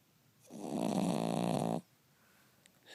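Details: Cavalier King Charles Spaniel, sleeping: one long, buzzing, rattling snore on the in-breath in a quiet room; snoring.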